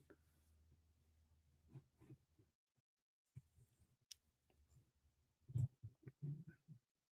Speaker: Damn, can y'all hear that? That was my stomach. That was not thunder.